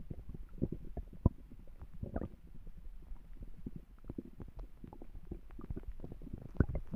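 Soft, irregular low gurgles and rumbles of a growling stomach, an ordinary harmless sound of gut movement.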